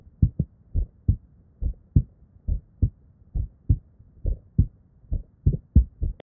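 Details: Normal adult heart sounds, clear regular lub-dub at about 66 beats a minute, recorded with an Eko DUO digital stethoscope alongside ECG and phonocardiogram.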